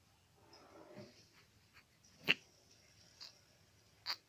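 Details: Baby hiccups, seemingly uncomfortable and fussy: three short, sharp hiccups less than a second apart, with soft breathing noise before them.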